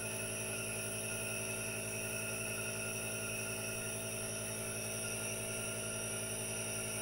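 Steady mechanical hum with a fast, even buzzing pulse and hiss throughout; a nebulizer's compressor running continuously.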